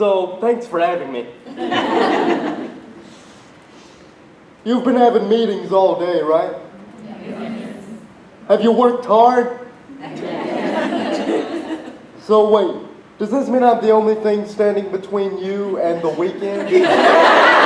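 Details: Male conference speaker with cerebral palsy, which he calls obvious; speech in cerebral palsy, possible dysarthria.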